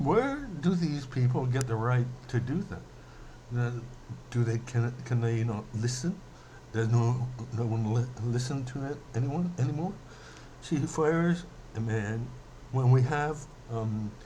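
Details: Stuttering in an adult male who says he mainly stutters when emotional; he is speaking emotionally here.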